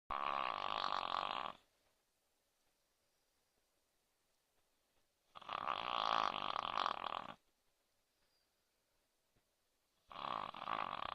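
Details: A Maltese puppy in deep sleep after exercise, snoring loudly: three long, even snoring breaths a few seconds apart, each a steady nasal rasp.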